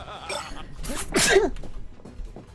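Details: Streamer's single sneeze during a livestream: a quick in-breath, then an explosive burst, with faint background sound, followed by "excuse me".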